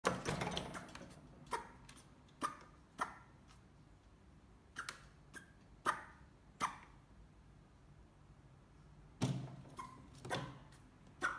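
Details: Rabbit suddenly grunting and rubbing its nose, cause unknown: repeated short, sharp sneeze-like snorts and soft grunts in a quiet room.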